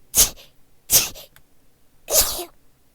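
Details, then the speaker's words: Three quick, small, high-pitched sneezes in a row from an adult gamer, described as sounding like a Pikachu; ordinary sneezing fit. "Cute ass sneeze. Yeah, I've been told it sounds like a Pikachu."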